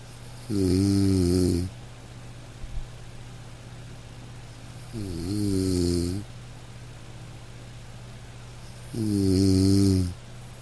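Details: Three humming nasal snores, each about a second long, spaced roughly four seconds apart over a quiet hiss: a nasal snoring sound effect.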